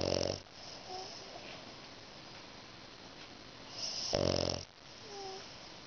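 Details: A French Bulldog snores while lying between her owner's legs, eyes open: loud, rattling snores on the in-breath, two about four seconds apart, with quieter breathing between.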